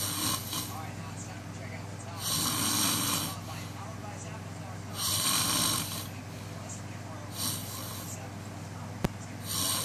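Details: A frog snoring: repeated hissing, raspy breaths about every two to three seconds over a low steady hum.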